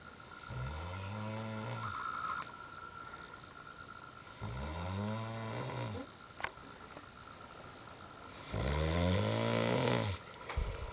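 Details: Person passed out asleep at 4AM after a pub crawl, snoring heavily: loud, rattling, droning snores on each breath in, about one every four seconds, with quiet breaths out.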